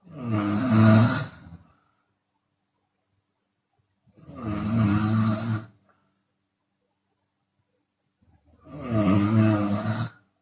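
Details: Three loud, rough, vibrating open-mouth snores from a sleeping Chinese woman, about fourteen a minute, with silent pauses between; exhale snoring occurs sometimes.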